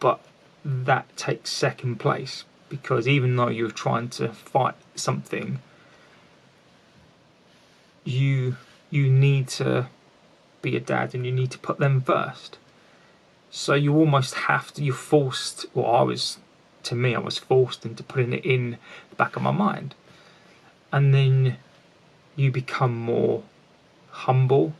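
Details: Lifelong stuttering (stammering) in an adult man, present since childhood, with repetitions in this stretch.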